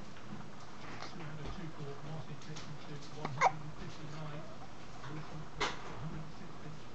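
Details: Young boy hiccuping: two short, sharp hiccups a couple of seconds apart over quiet low room noise and murmur.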